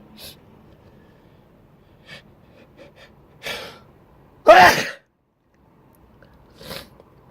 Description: An experiment to try to show uncovered sneezing spray and mist.